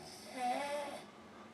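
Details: Man sleeping during the day around noon: one soft, rough, rattling breath of about a second, a single snore; snoring.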